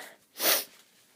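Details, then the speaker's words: Adult woman from Australia: a single sharp, hissing sneeze burst in a quiet room, followed by an itchy nose; ordinary sneeze. "oh well there we go there's one oh my nose Del itches"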